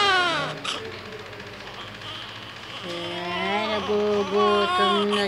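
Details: Newborn after 2 days in the nursing room: rhythmic, rising-and-falling hunger cries with short pauses, an adult voice in the background.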